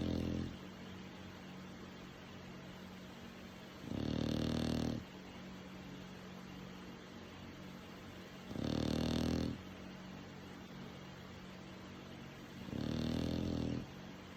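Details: Loud, rough snores about every four seconds, roughly 14 a minute, with quiet hiss between them: a sleeping dog snoring.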